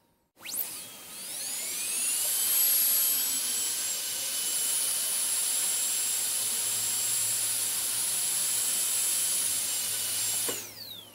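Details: A high-pitched whine spins up, holds steady for several seconds and winds down: a dental drill running, from an ASMR dentist-drill on-and-off sound recording.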